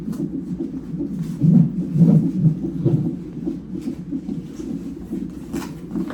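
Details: Fetal heartbeat on Doppler during a non-stress test at 37 weeks of a twin pregnancy: rapid, muffled whooshing pulses in a quiet room.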